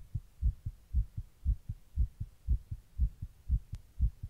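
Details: Heart recorded while sitting in 100-degree heat during a heatwave: steady, regular lub-dub heartbeat at about 118 beats a minute, a fast heartbeat.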